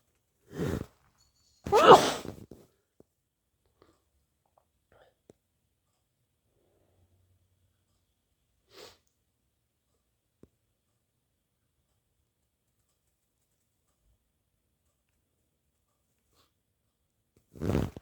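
Several brief, forceful nasal bursts spread over the clip, one stronger and wetter, separated by long quiet gaps; sneezing or snorting.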